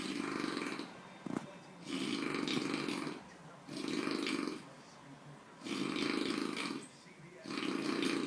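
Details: Person sleeping: loud, regular rattling snores with quiet pauses between, about 4 breaths in 8 seconds; ordinary heavy snoring.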